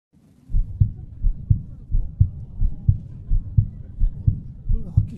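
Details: Normal heartbeat of a Japanese female: steady, strong paired thumps at about 86 beats per minute, with an even, regular rhythm.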